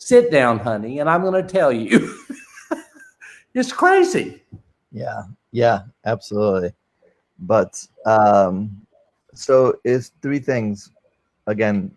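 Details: Male with non-fluent aphasia since a stroke during heart valve surgery in 2007, initially able to produce only two single words; non-fluent aphasia.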